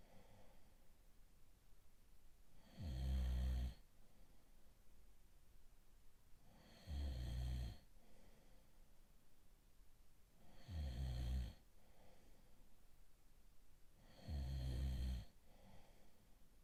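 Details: Snoring: loud, low, rattling snores recur about every four seconds, roughly 15 per minute, with quiet breathing between.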